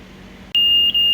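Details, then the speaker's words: Loud, steady, continuous high-pitched fault alarm from an old iMed Gemini PC-1 infusion pump on mains power after a second of quiet; suspected faulty transformer and a dead, flat battery. "Yeah, so even with mains, it's still throwing a hissy fit."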